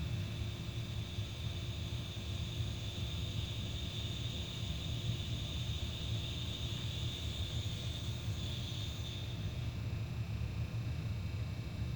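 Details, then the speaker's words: Vintage GOMCO vacuum aspirator pump being test-run after repair: a low, steady, very quiet rumbling hum with a faint high tone fading near the end, while the rate is adjusted. "So I should be able to adjust the rate with this here. It's very quiet."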